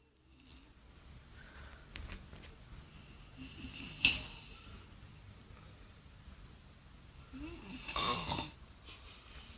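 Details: Soft snoring: two faint, hissing, rattly breaths about four seconds apart over steady room hum.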